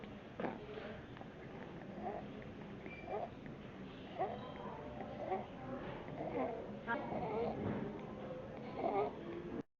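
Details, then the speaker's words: A young girl in respiratory distress with tracheal tugging and deep sternal retractions, using a pacifier, takes rapid, harsh, noisy breaths about once a second; audible stridor from a narrowed upper airway. "in this video I mean you can obviously notice the store there Colin's tugging tracheal tugging in the deep sternal retractions you can hear audible Strider and this young lady"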